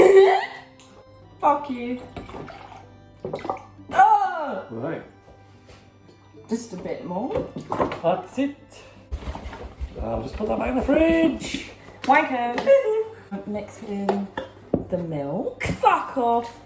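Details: Young woman with Tourette syndrome producing real, involuntary vocal tics; vocal tics (Tourette syndrome).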